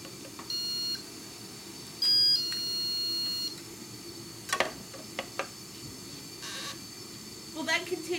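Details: Two short, high electronic beeps in a quiet room with faint clicks: a dental curing light curing the bonding agent in the deepest part of the prep during a student composite restoration.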